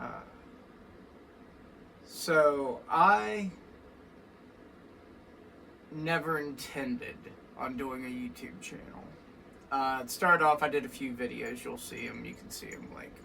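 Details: Adult male with vascular Ehlers-Danlos syndrome (weakened tendons and ligaments, constant dislocations), which he says causes his voice: voice change in vascular Ehlers-Danlos syndrome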